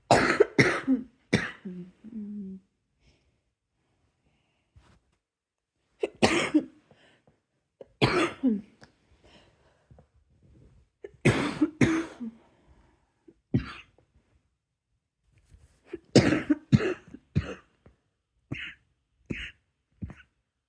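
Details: Repeated bouts of coughing with short throat clears between them, about a dozen coughs over twenty seconds in a quiet room, while coughing at bedtime trying to fall asleep; cough.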